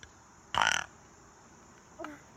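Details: Young child exploring sounds by burping while mother plays: one short, loud, throaty burp, then a faint vocal sound, in a quiet room.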